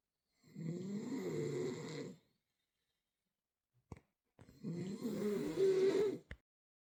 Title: Poor dog can't sleep! #snoring #noises #dogshorts #